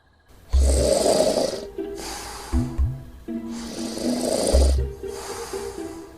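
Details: Snoring in a demonstration of a magnetic silicone anti-snoring nose clip: loud, rough snores on each in-breath, with snorting, over background music.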